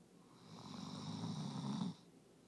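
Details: Dog snoring, exhausted after a day of obedience competition: a single low, rattling snore on the in-breath, building for about a second and a half, then stopping abruptly.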